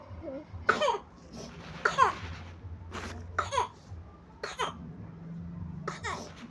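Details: Young child who is sick with a cough and also vomiting: five separate coughs over about six seconds, with a low background hum.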